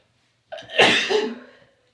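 A single sneeze: a short indrawn breath, then a sharp, hissing burst that fades off.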